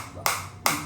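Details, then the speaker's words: Biotronix SW7 focused shockwave therapy applied to the demonstrator's own hand at intensity 10 (up to 15 possible, not tolerated): two sharp, loud snapping clicks about half a second apart. Shockwave device firing. "So right now I'm getting very focus shock wave on the hand area and uh this is the intensity 10."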